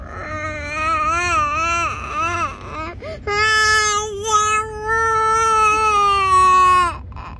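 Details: A 20-month-old toddler crying in sustained, tonal long wails with brief pauses for breath while the parent asks what they want (taco); an ordinary crying episode.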